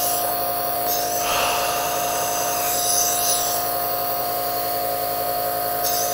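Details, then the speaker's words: Compressor nebulizer running with 5 ml of saline: a loud, steady buzzing hum with hissing mist output. A licensed pharmacist with slight chest congestion is self-testing it. "Okay, so let's turn this bad boy on. It should start coming out of the nozzle immediately."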